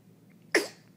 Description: I can see and sneeze... bless you